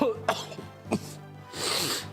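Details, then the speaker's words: Adult streamer with bronchitis for five days, feeling miserable: two short, harsh coughs over steady video-game music, a bronchitis cough. "what difficulty is bronchitis well i'm glad you asked eon because it is miserable i've had it for five days i want to die"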